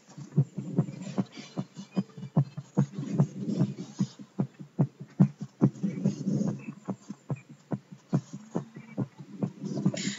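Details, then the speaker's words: Stethoscope heart sounds of a student after racing: quick, regular heart thumps, a normal heart beating faster after hard exercise. "so I'm just going to give you that the heart zone of somebody or a student that was racing so basically this is for your heart songs after exercising or hard physical activities"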